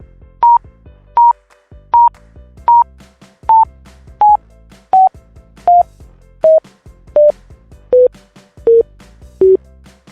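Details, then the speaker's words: Pulse oximeter monitor beeps, regular at about 80 a minute, in an anesthesiology teaching demonstration: the tone is highest at 100% oxygen saturation and drops lower in pitch as saturation falls, showing desaturation can be heard by ear. "音だけで、酸素飽和度が見える酸素飽和度が100%のときです。最高音「1」でも減れば、低い音がする。"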